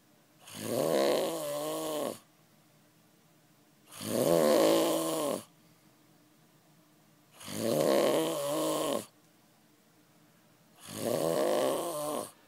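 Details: An adult man snoring in Las Vegas after 36 hours without sleep: four loud, regular, rattling snores with quiet gaps, about 17 breaths a minute.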